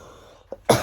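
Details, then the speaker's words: Person 24 days into a persistent cough, now less severe: a brief catch, then one abrupt cough burst that cuts off, in a quiet room. "today has been a good day for me I have had the cough but nowhere near as bad and"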